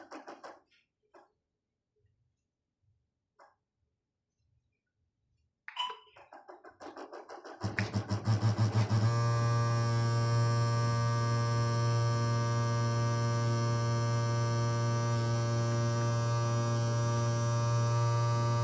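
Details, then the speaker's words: NIBP calibration of a Mindray T5 patient monitor and a BLT vital sign monitor using a Fluke ProSim 8 at a 100 mmHg target: faint clicks, then the cuff pump pulses rapidly and settles into a steady loud hum. "So start calibration. Ayan guys oh. So dapat yan abot ng 100 10 ang over pressure is 100."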